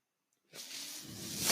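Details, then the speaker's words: Steady, rising, airy hiss from a person's own mechanical ventilator pushing air as they begin speaking; mechanical ventilator noise. "everyone my name is brynan mar that noise you're hearing is my ventilator"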